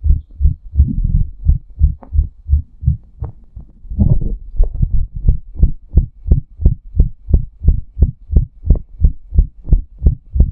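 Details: Own heartbeat recorded before, during and after a hot shower, the hot water making the chest throb: after early rustling, rapid regular thumps at roughly 175 a minute, a fast heartbeat.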